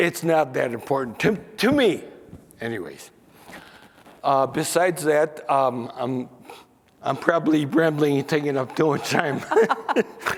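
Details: Man aged nearly 68 with spinocerebellar ataxia diagnosed in 1995 (about 28 years earlier), who lost the ability to sing and to make announcements, mispronounces names, and reports forgetting what he is saying; ataxic dysarthria.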